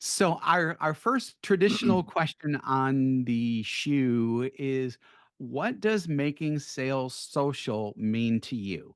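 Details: Adult male; normal voice.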